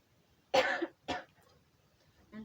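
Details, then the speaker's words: Nursing demonstration of effective cough training with a patient: breathe in three times, then cough as hard as possible on the third to bring up mucus; two forceful deliberate coughs, controlled cough technique. "Ibu menarik nafas selama tiga kali dan hitungan yang ketiga Ibu batuk dengan sekuat tenaga nanti di situ ada lendir yang keluar"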